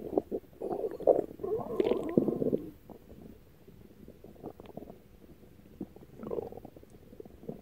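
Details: Stomach growling (borborygmi): gurgling abdominal sounds.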